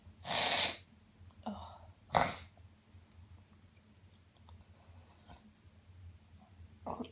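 A sharp, explosive sneeze, a softer follow-up and a second burst, then quiet nasal sniffs: sneezing followed by sniffles.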